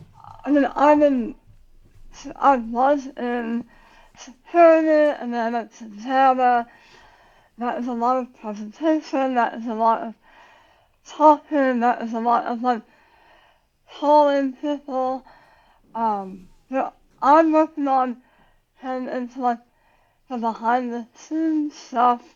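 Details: Adult woman about 9 years after tongue cancer surgery with leg-flap tongue reconstruction and radiation; says she has very little tongue, relearned to talk, speech worse when tired; articulation difference after partial glossectomy.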